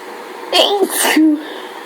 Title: Is anyone else sneezing every 2 seconds?